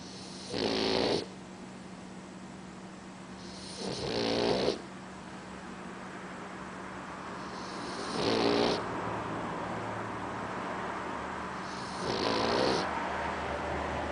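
Four loud, rough snoring breaths at slow, uneven spacing, about 16 a minute, over steady room hum: a sleeping puppy snoring.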